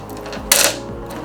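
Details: Single sharp mechanical snap over quiet room hum as an AGS endoscopic haemoclip (rotatable, removable; 9–16 mm sizes) is fired and deployed in a product demonstration.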